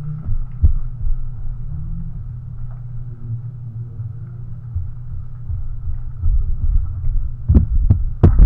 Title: Heartbeat : After running 1